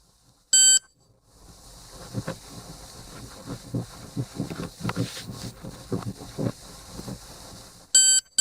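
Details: MobileODT ThermoGlide thermocoagulator probe held against a cervical precancerous lesion: loud electronic beep as heating starts, faint low clicking and handling noise during treatment, then a second beep marking the end of treatment.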